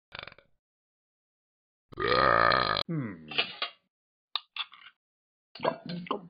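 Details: Animated character Talking Ben burping: a long, loud, low belch with a guttural voiced rumble, followed by short grunting sounds.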